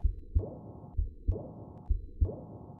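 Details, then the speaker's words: Aortic regurgitation murmur heard with the stethoscope diaphragm from the left 2nd interspace down the left sternal border to the apex, patient breath held after full exhalation: steady beat near 64/min with a high-pitched, soft, blowing decrescendo diastolic murmur after S2. "using the diaphragm of the stethoscope listen at the left second interspace and down the left sternal border to the apex for the high-pitched soft blowing decrescendo diastolic murmur of aortic regurgitation if the patient had this murmur it would sound like this"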